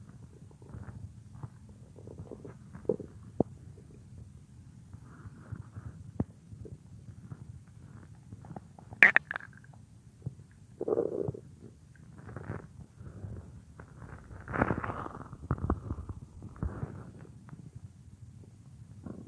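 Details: An adult woman's stomach heard as if lying on it while she works at a computer: irregular gurgling and rumbling; ordinary bowel sounds (borborygmi).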